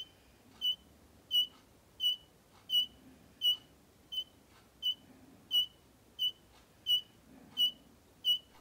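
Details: Regular short beeps about 87 per minute, one per pulse, from a homemade LM358 op-amp heartbeat sensor and pulse monitor circuit (no microcontroller) with a finger on the sensor; pulse monitor beeping.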